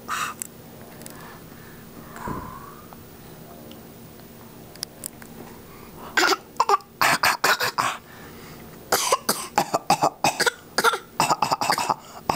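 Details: Short, light, deliberate coughs from a baby copying daddy's coughing; playful imitation, voluntary cough.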